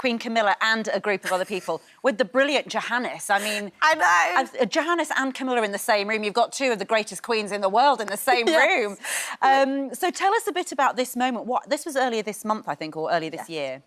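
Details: Adult woman speaking; ordinary speech.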